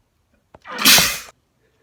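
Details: Wet, spraying sneeze from a male, from a compilation of his own sneezes (some induced): a short catch of breath, then one forceful sneeze burst.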